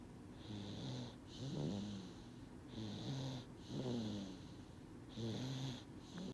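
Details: Sleeping baby snoring: soft, regular snores at about 26 breaths a minute, sleeping soundly, over steady room hiss.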